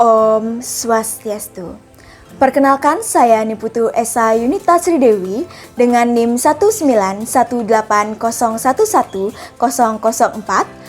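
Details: Adult woman; ordinary speech.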